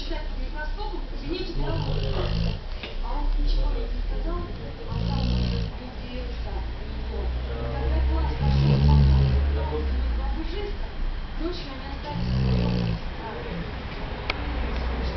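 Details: A pet sleeping and snoring while another animal licks it: low, buzzing snores about every three to four seconds over steady room noise.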